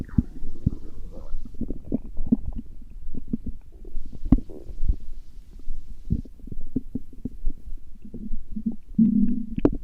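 Loud gurgling and bubbling rumbles from the belly, rising and falling in bursts; ordinary stomach growling from gas and fluid moving through the gut.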